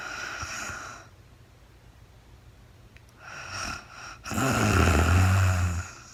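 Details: Adult woman recorded in real time during overnight sleep after being very tired: soft breathing followed by one loud, low, rattling snore on a breath; snoring.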